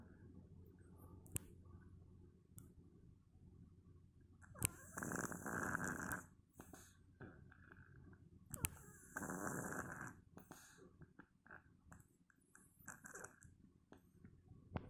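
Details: Two loud, rough snores on inhalation about 4–5 seconds apart from a sleeping cat in a quiet room; ordinary snoring.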